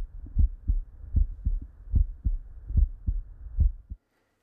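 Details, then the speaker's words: Adult male OSCE volunteer with a regular pulse of 75 per minute; stethoscope heart sounds at about 73 beats a minute, S1 and S2 present, no murmurs or added sounds: normal cardiovascular examination. "on oscilation heart sounds one and two were present with no added sounds and breath sounds were normal in summary these findings are consistent with a normal cardiovascular examination"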